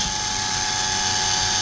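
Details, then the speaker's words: Prototype camshaft-mechanism ventilator driven by a 10 RPM Johnson DC motor with gearbox, pumping air with its diaphragm opening and closing: steady high mechanical whine, constant motor tone, low throb beneath; mechanical ventilator pumping. "when it's pumping the air you can see that the blue color is opening the mouth and putting them out right"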